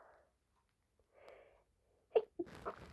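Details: Adult with a sneezing fit since returning from a birthday party, mostly stifled, thinks it came from a television knocked over: soft breathy inhalations, a short stifled sneeze and a second burst; suppressed sneezing.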